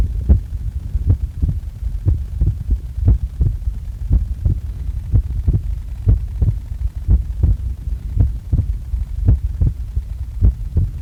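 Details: Heart sounds recorded just after waking up: steady, regular low lub-dub thumps at about 85 a minute over a low hum; normal heartbeat.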